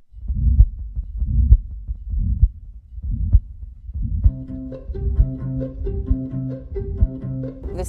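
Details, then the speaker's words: Recorded heartbeat of a young girl born with a serious heart defect who had six surgeries before age three, used in a song: regular low thumping at about 65 beats a minute, with music joining partway through. "Aaron Bodie often sings songs of the heart, but what you are about to hear is the actual sound of a heartbeat in her newest song."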